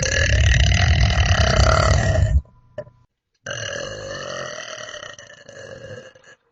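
Two long, loud, rumbling belches with a short pause between them. Ordinary burping.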